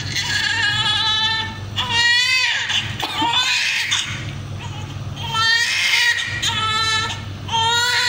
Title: 3.5 kg beautiful newborn baby just immediately after birth #39weeks gestation